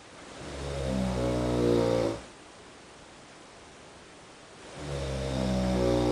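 Two long, loud, rumbling snores with a quiet pause between them, from a sleeper in an adjoining room; typical heavy snoring.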